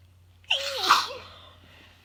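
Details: A single sharp, forceful sneeze during an intense bout of sneezing, with a quick inhaled catch before the burst, then quiet.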